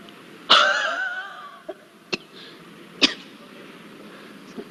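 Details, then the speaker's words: Huff cough (forced expiration technique) demonstration in cystic fibrosis airway clearance: one long forceful open-mouthed huff then a few short sharp bursts, moving secretions to larger airways, repeated 3–4 times before a strong cough. "We need to repeat this maneuver for 3 to 4 times, then followed by we should do one strong cough to clear the secretions from the larger airways. So now I am going to demonstrate you the technique of huff coughing."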